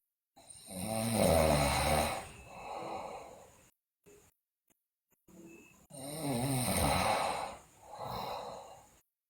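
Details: Two loud rattling snores on the in-breath, each followed by a softer breath out, about 12 breaths a minute, from a sleeping girl who also has bruxism and is delirious; snoring.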